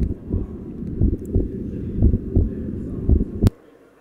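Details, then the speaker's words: Adult man's heartbeat captured remotely by a contactless biometric sensor and played in real time: low, muffled rhythmic thumps at about 60 per minute. "come back to this again you can hear his heartbeat sound we can capture his heart beat sound from remote and you can listen it to it in real-time"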